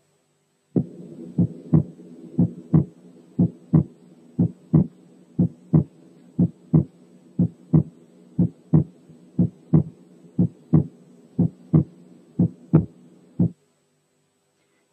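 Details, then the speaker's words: Split second heart sound, first and mildest example: S2 is only slightly wide because its two components lie very close together. A split S2 is heard over the pulmonary area. "يا دوبك السكند ساوند كان عريض شويه، لانه مكون من تو كومبوننتس جنب بعض خالص."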